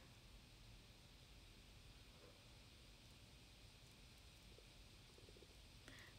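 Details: 16-year-old girl's stomach growling while she curls her eyelashes; she is hungry despite having eaten bread. Faint low gurgling and rumbling over steady background hiss; ordinary borborygmi.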